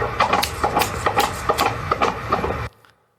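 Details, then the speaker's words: Fetal heartbeat of a pregnant young couple's baby on Doppler: fast, regular whooshing pulses about 140 beats a minute, strong and normal. "아 이 심장 소리가 누구의 심장 소리 냐 면 아 저희가 예전의 그 청년 살 갈때 섬겼던 아 청년 부부 이제 임신 했는데 그 아기의 심장소리를 개울 터 사람들을 통해서 되듯 끊어서 저희들에게 메세지를 보냈어"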